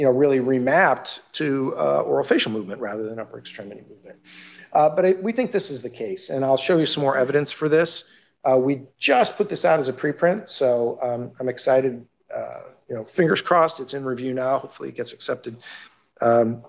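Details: Adult male lecturer; normal speech.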